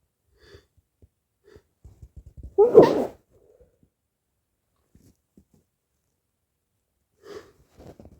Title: sneezing fit and nose blows